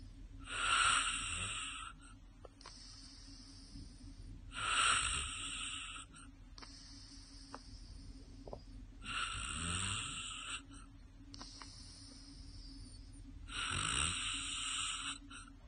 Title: snoring :D